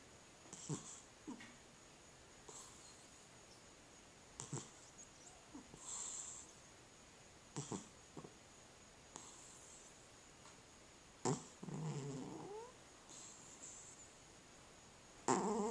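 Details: Sleeping cat snoring: soft, irregular snorting breaths with faint rattly snore sounds over a steady high background tone.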